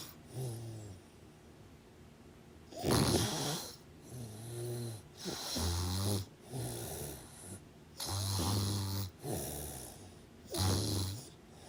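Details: Loud, rough, rattling snores with each breath, quieter breaths between them, about 24 a minute and somewhat irregular.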